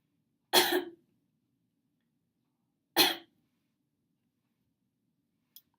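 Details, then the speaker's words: Voice therapy client, first step of redirected phonation, coughing into a dictaphone: two deliberate, sharp coughs about 2.5 seconds apart, each carrying a brief trace of voice. "good did you hear that within those coughs you kind of had a little voice thing come through okay good great job"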